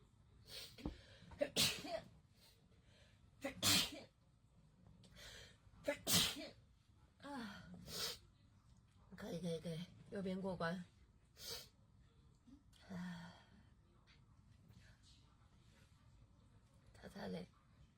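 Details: Compilation of girls taking Covid-19 nasal swab tests: several sharp, explosive sneezes in quick succession with gasping breaths and brief talk between them, triggered by the nasal swab.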